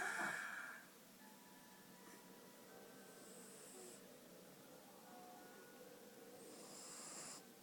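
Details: Sleeping cat snoring: quiet, hissy snores with soft noisy breaths every few seconds.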